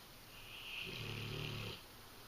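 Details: Female English Mastiff dog snoring while asleep: one long, loud, low rattling snore with a hissy edge.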